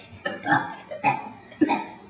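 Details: Boys aged 6 and 7 deliberately burping: three loud, deep, gurgling throat sounds in a row; burping.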